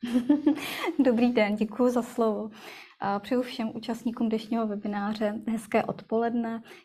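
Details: Adult woman; Normal speech.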